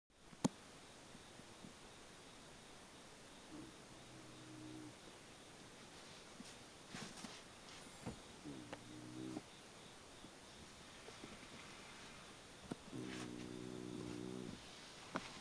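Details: Soft, low snoring heard three times over room hiss and knocks from a sleeping Shiba Inu dog, described as quite loud; snoring.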